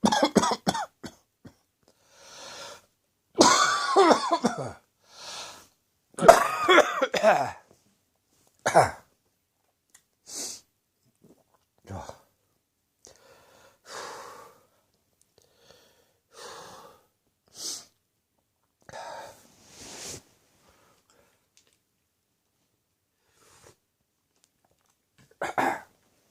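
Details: Adult, after an evening of beer, choking on a spicy curry that caught the back of the throat: harsh explosive coughing bursts with gagging, then quieter spaced coughs and throat clearing, a cough from throat irritation.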